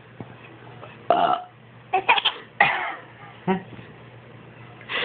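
Several brief guttural burps with little laugh-like voice sounds in a quiet room; ordinary infant burping.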